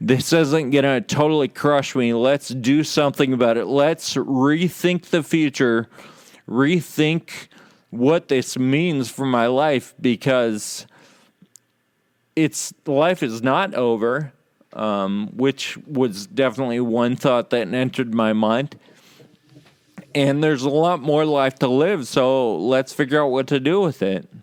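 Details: Real male patient with Friedreich's ataxia, a condition causing loss of muscle control and balance and slurred speech; mild ataxic dysarthria.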